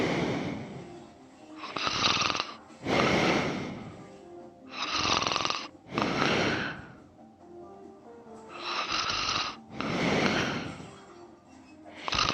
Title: Me snoring and sleep talking again ❤️